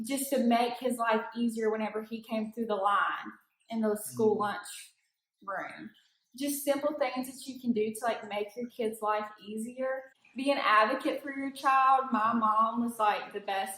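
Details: Adult woman; typical speech.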